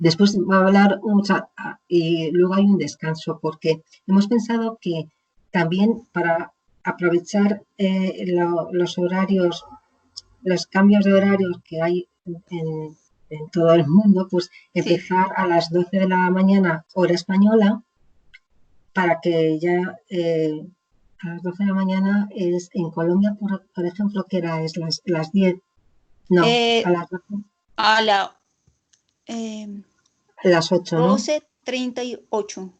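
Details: Woman with aphasia after a stroke. She was initially unable to speak at all and gradually recovered words through speech therapy. She is speaking in an interview.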